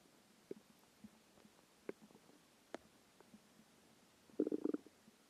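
Quiet room with scattered gurgles and a longer bubbling growl near the end; ordinary hunger stomach growling, a normal finding.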